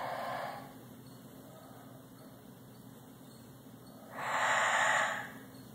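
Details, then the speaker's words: Parrot imitating the snoring of a man asleep in front of the TV: two breathy, hissing exhalations a few seconds apart over steady room noise. "You know what he's doing? Hey, bird. He's mocking your snore. My snoring? Yes."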